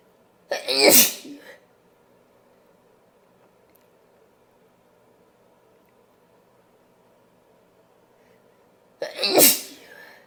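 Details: Powerful sneezing from a female: two loud, forceful sneezes separated by several seconds of quiet room tone.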